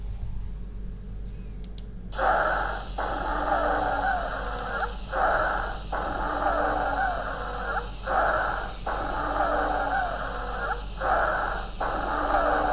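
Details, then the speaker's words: Repeated musical, whistling breath sounds with rising and falling pitch, strongest on breathing out: a wheezing demonstration during a lecture on lung auscultation. "okay thanks wheezing okay wheezing please"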